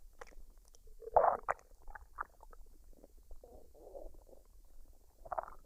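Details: Woman's belly after a meal of fried rice and duck, recorded unedited with no added sounds: scattered gurgles, squelches and brief bubbling rumbles; normal bowel sounds of digestion.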